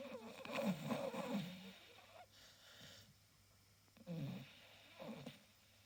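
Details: Staffordshire bull terrier asleep makes rough, rattly breathing noises in irregular bursts with quiet gaps between them: dog snoring.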